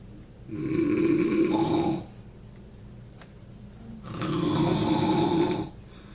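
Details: Father asleep, snoring so loudly it scares the cat: two loud, rough, rattling snores about four seconds apart with quiet pauses between; heavy snoring.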